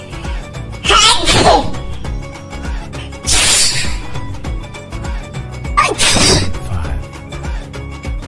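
Three loud, abrupt sneezes over music, a comic imitation; ordinary sneezing.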